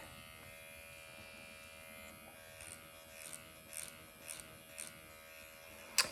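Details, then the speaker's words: Steady high-pitched electric buzz with faint taps and a final click: MD Needle Pen microneedling at 1.5 mm, done thoroughly, nearly painless under numbing ointment, erythema appearing. "But otherwise, it's literally almost painless. And I have it in 1.5 now too. As you can see, of course, the erythema is coming. I want to do it thoroughly here."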